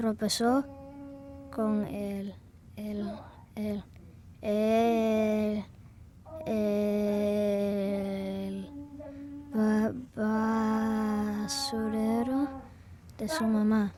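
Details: Child with stuttering, with word repetitions and prolongations.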